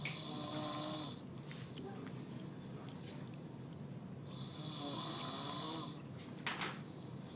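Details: Ordinary snoring in a sleeping person: low, rough snores over steady breathing with a faint whistling edge, two snore cycles in about seven seconds, likened to a chainsaw.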